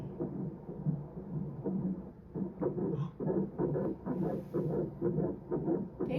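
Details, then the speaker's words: Doppler fetal heartbeat at 6 weeks 5 days of pregnancy, rapid regular whooshing pulses about 120 a minute, called normal by the doctor; a blood collection behind the sac is still present, no external bleeding. "예 자 6주 오일 나오고요 심장 소리 들려 드릴게요."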